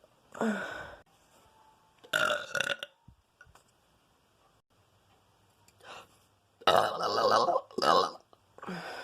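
Several loud, drawn-out burps with short quiet gaps between them; repeated belching.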